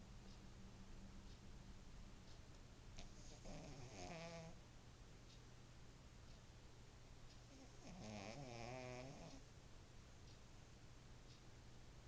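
Two drawn-out, rattling, honking snores over steady low room hum; snoring in a sleeping small dog.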